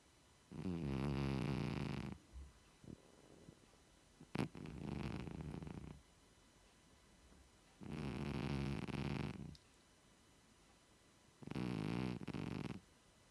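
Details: Loud, rough, low snores in long drawn breaths, about five in thirteen seconds, from a 16-year-old cat sleeping on a sofa; ordinary snoring.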